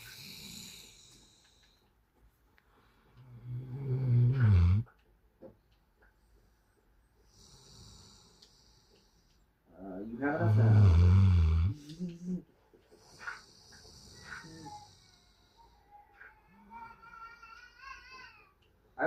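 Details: Cane Corso dog snoring in its sleep: loud, low rumbling snores with quiet pauses between breaths.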